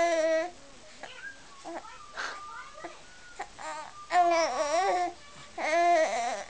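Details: Infant sitting in a chair examining a pillow, hiccuping and chatting: fussy crying and babbling in short voiced wails with quiet gaps, indoors.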